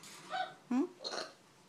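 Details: African grey parrot imitating a burp: a single gurgly burp-like sound between soft chatter.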